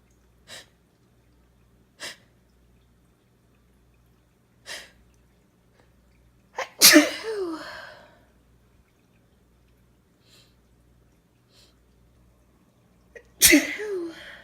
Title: Sneezing (F)